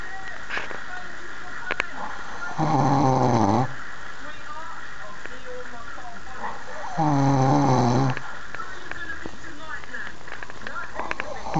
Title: How can one so gorgeous snore so loud, lol